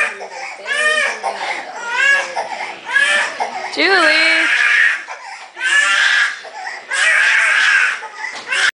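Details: Loud, high-pitched wailing and screaming in repeated bursts with sobbing breaths from a young girl who wanted to go play outside; crying tantrum.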